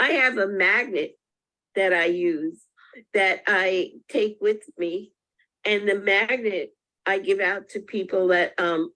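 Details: Person with aphasia speaking with agrammatic phrasing.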